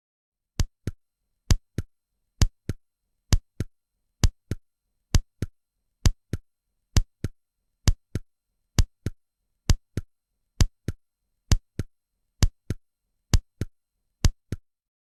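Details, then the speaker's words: Simulated heart sounds at the apex: regular lub-dub pairs near 66 a minute, first sound slightly louder than the second: normal heart sounds at the apex. "Сейчас мы послушаем запись Ну не запись конечно моделирование звука который вы можете услышать на верхушке Где в норме первый тон несколько громче второй несколько тише"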